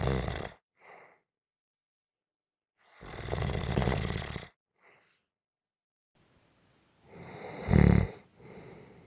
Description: This is a 4 minute clip of gentle snoring.